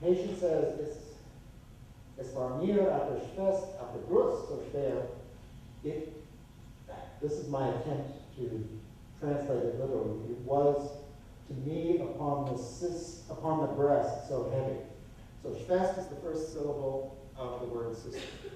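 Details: Adult male lecturer; typical speech.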